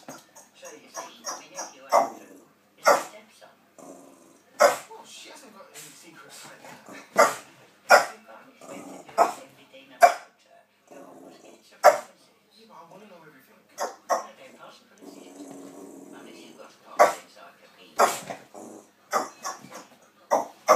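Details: A dog gives repeated sharp, harsh bursts between a bark and a cough: dog coughing.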